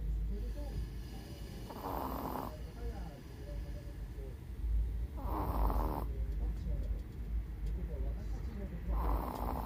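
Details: A 16-year-old Chihuahua with cataracts and hearing loss, snoring while deeply asleep during a daytime nap: rough snores about every three to four seconds over a low, steady background rumble.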